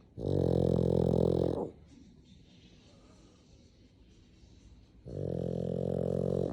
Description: My cute black pug snoring away! Pug life!